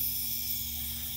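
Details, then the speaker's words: Albuterol nebulizer demonstration, oxygen-driven at 4 liters per minute: steady high hiss of gas flow with a low hum as the nebulizer produces inhalable mist. "if you notice coming out of the nebulizer is a little bit of mist much better than a powder spray that's going to spray onto the back of somebody's throat but this mist can be inhaled"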